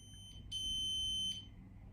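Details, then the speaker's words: Abbott FreeGo enteral feeding pump switched on after the giving set is loaded and the door is shut: a single steady high-pitched beep lasting under a second over faint room noise; normal device start-up beep. "and then you shut the door turn this pump on is just move the dial over and then it will beep and it will turn on"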